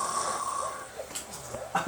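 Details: Soft, irregular snoring from a sleeping adult after heavy drinking, with a steady electrical-sounding tone in the background.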